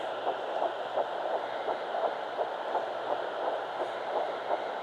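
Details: Home fetal Doppler at 9 weeks 6 days, Baby A of twins, found on the left side after days of searching. Faint, rapid rhythmic whooshing pulses under steady hiss: early fetal heartbeat.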